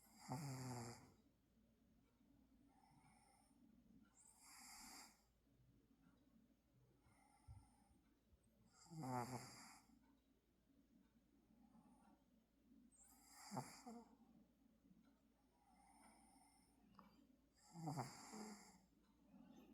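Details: Pet with severe snoring, asleep: soft, rattling snores, about five in twenty seconds, somewhat irregular, with quiet breathing between; snoring.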